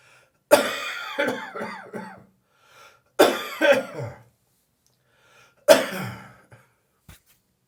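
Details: An adult's dry, throaty morning cough after drinking beer the evening before: three bouts of sharp bursts followed by quick trailing coughs.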